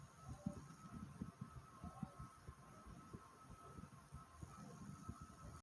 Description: my heart was beating normally but just slightly fast